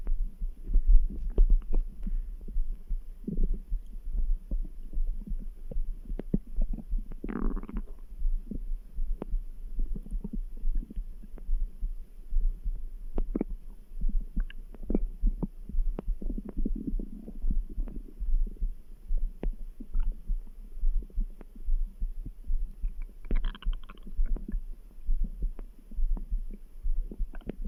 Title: Stomach grumble | Background heartbeat sounds